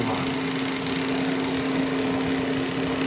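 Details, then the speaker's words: Fractional laser running during HALO hybrid fractional (ablative and non-ablative wavelengths) skin resurfacing on a female patient's face for severe acne scars and irregular texture: steady mechanical hum with a rapid fluttering pulse. "this is a skin resurfacing laser"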